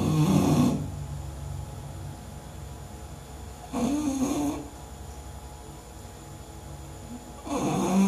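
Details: Sleeping English bulldog with three short, rough snores about every four seconds, roughly 16 breaths a minute, over a steady background hum; snoring.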